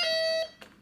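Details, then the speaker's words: Pressure-pad falls monitor: a loud high-pitched electronic alarm tone sounds as the patient stands up off the pad. "if your patient then decides to stand up you will hear that alarm"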